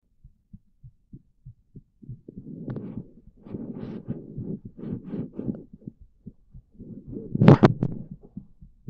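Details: Heartbeat: regular, quick low thumps, partly buried under rumbling handling or movement noise in the middle and near the end.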